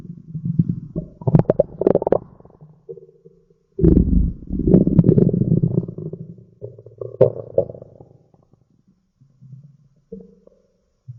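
Low, irregular gurgling and rumbling in bursts with short pauses: ordinary stomach growling from gas and fluid moving through the gut.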